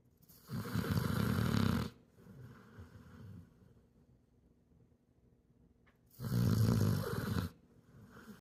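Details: Sleeping American Bully rescue dog snoring: loud, deep, rattling snores on each in-breath with softer snorting out-breaths, about 12 breaths a minute; plain snoring.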